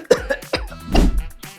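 A few deep, wet-sounding cough bursts from an adult, acted, with faint music behind.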